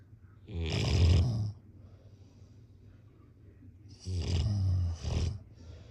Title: # #snoring #snoringasmr #snoringsounds #snoringsleepingsoundeffect #sleepsounds